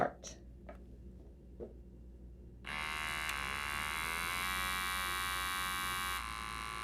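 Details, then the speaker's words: Automatic digital wrist blood pressure monitor on the left wrist, held at heart level while seated: soft clicks then steady motor whine as the cuff inflates; subject talking, reading 140/86 mmHg, pulse 78. "so let's begin and now we're going to hit start"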